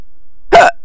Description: random - I was hiccupping